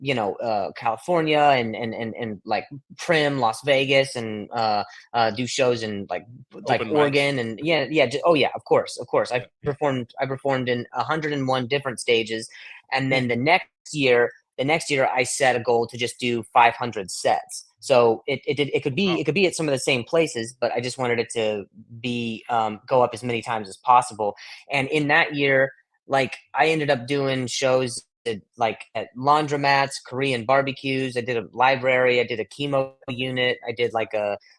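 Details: Adult male comedian who has a stutter, with word repetitions; stuttering.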